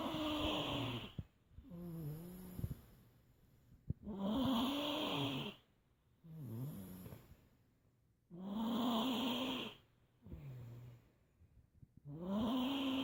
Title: Relaxing Snoring